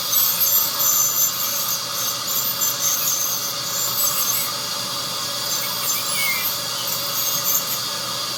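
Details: 43-year-old woman at an oral clinic, no cavities found on exam: continuous high-pitched whine and scraping from a dental scaler during her routine teeth cleaning.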